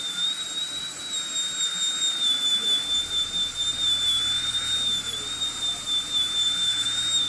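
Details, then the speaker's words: Steady high-pitched whine of a dental handpiece removing old bracket glue from a tooth at a 1 year 3 month braces check of a patient treated for anterior open bite; loud vibration but painless. "So I'm just going to clean the glue off your tooth. A lot of noise and vibration."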